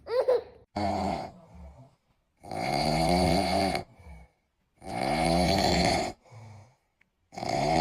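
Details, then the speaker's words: Adult man sleeping: loud, rough, vibrating snores on each in-breath, about 20 a minute, with quiet pauses between; snoring that startled a baby. "My husband snoring in his sleep and scared the baby."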